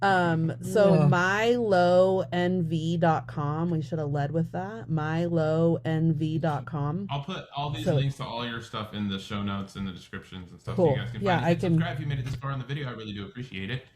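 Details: Adult man, conversational speech; typical speech.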